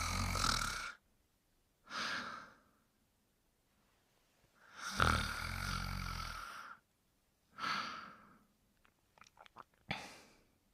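Loud, rough snoring breaths, about five in eleven seconds with uneven spacing and quiet pauses between them: ordinary snoring during sleep.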